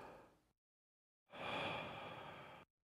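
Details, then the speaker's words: Normal breath sounds heard on chest auscultation during a respiratory examination while the patient takes deep breaths with the mouth open; the breath noise is soft and even, with no added sounds. "the quality and amplitude of the breath sounds identify any gap between inspiration and expiration and listen for added sound"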